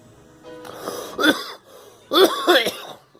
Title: Girl coughing